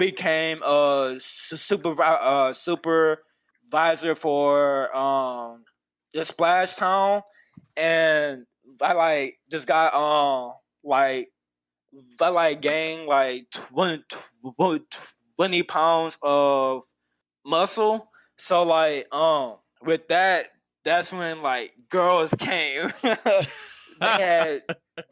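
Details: Stuttering in an adult man who stutters, a university nutrition graduate, speaking as a podcast guest.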